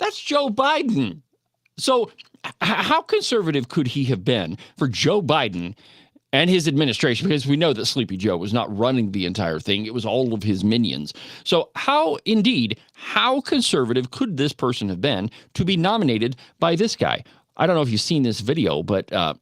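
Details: Adult male speaker; normal speech.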